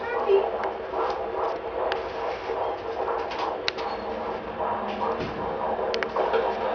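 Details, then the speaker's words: Whooshing, rhythmic Doppler pulses of a normal, strong fetal heartbeat during a prenatal check, with some of the mother's own heartbeat mixed in. "Part of the reason why it sounds a little weird is you hear part of your heartbeat and you hear that baby's heartbeat. But it sounds strong to you?"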